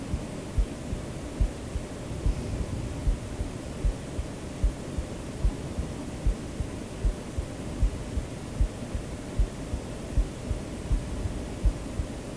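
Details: Real adult heartbeat, self-recorded and mixed into a white-noise sleep-aid track: steady soft low thumps at about 76 a minute under a constant hiss; normal heartbeat.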